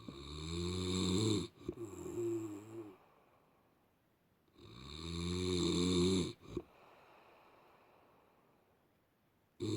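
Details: Loud snoring, tagged with sleep apnea (uyku apnesi) but not confirmed; drawn-out rumbling snores on breathing in, each ending in a brief snort, separated by quiet pauses; heavy snoring.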